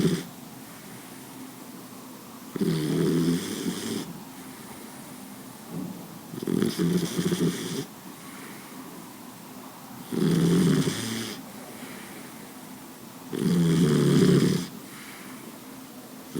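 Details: Boxer dog snoring: regular low, rumbling snores at about 17 breaths per minute, with steady background hiss between them.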